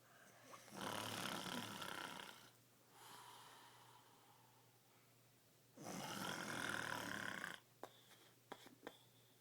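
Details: Father snoring loudly: harsh snoring on two long breaths with a softer exhale between, then a few small clicks and snorts.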